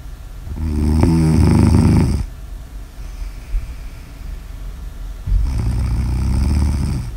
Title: Snores Audio ASMR